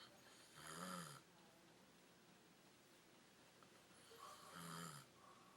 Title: Extreme snoring